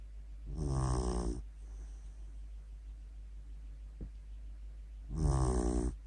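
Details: A sleeping Beagle dog snoring, eyes partly open: two deep, rattling snores on the in-breath, about five seconds apart, with a steady low hum behind.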